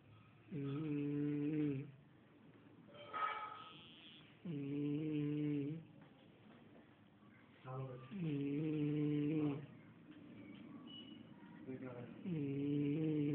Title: Snoring giant